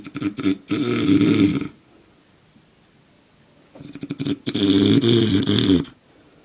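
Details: Adult man, father, sleeping very soundly: two loud, rumbling, fluttering breaths drawn in with a quiet pause between them; heavy snoring.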